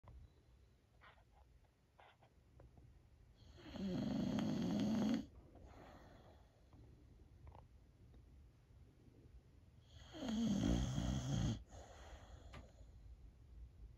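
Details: Old female Boxer dog, feeling a little down, snoring while asleep: two long, rumbling snores about six seconds apart, roughly ten breaths a minute, with quiet breathing between them.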